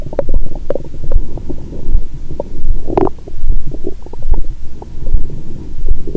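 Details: Continuous low rumbling and gurgling through a stethoscope on the belly after a large Christmas meal with wine following a 22-hour fast, belly still swollen; stomach rumbling constantly: active bowel sounds.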